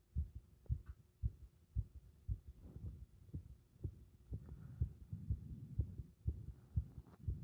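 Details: Compressed heart sounds with arrhythmia: muffled low heartbeats, about 120 a minute, with uneven spacing over a steady hum; irregular heart rhythm.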